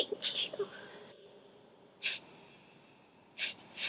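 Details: Run of about four short, sharp, hissy sneezes, each cut off quickly, in a quiet room; sneezing.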